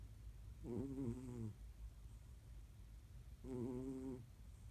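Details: Snoring during sleep: two drawn-out, buzzing, fluttering inhalations about 3 seconds apart over a low room hum.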